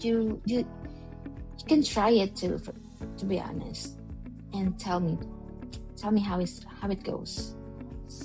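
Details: Woman with a long-standing stutter, managed over the years with rephrasing, slowing down and breathing techniques, with good and bad days; audible word and phrase repetitions; stuttering.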